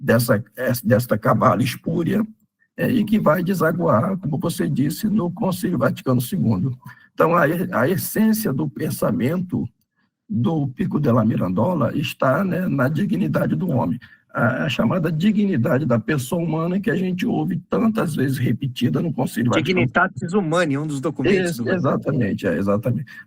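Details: Adult male with spasmodic dysphonia treated with toxin injections; voice worse than at the previous recording as the toxin wears off 3–4 months after injection, with the next injection due in early July; spasmodic dysphonia.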